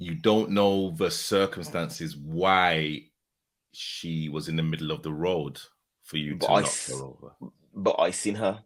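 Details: Adult male speaker; Ordinary speech.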